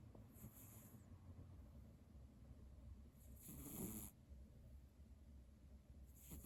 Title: Cat Snoring ②